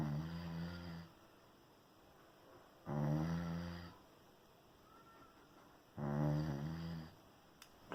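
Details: Sleeping puppy with loud rattling snores on each breath, about 19 a minute, with quiet pauses between; snoring.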